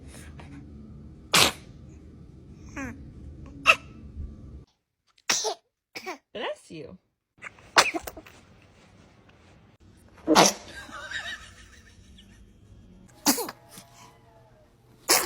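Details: Baby sneezing: a run of about eight small, sharp sneezes over fifteen seconds, with soft breathing and faint room noise between.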